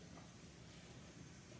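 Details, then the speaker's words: Bag valve mask training demonstration for an apneic patient with a pulse: steady rushing hiss of oxygen flowing from a regulator set to 15 liters per minute to fill the BVM reservoir. "our oxygen supply tubing is going to go on to our regulator that we learned in our oxygen administration we're going to turn this to 15 liters per minute and"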